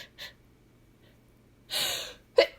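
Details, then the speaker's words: Acted, requested apologetic sneeze by a female performer: quick catching gasps on the in-breath building up to a forceful explosive sneeze, amid repeated apologies for interrupting a conversation. "Oh, I'm I'm so sorry. I think I'm going to I think I have to sneeze again. I'm sorry."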